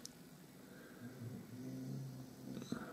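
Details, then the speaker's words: Pet snoring loudly in the background of a quiet room: a low, droning rumble swelling and fading over about a second; snoring. "I'm sorry if you can hear snoring in the background. One of my pops is snoring his head off."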